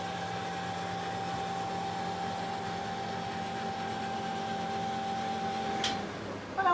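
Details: Radiotherapy linear accelerator at the start of a cancer treatment session, the patient wearing a positioning mask: a steady mechanical hum with a constant tone, ordinary operating noise.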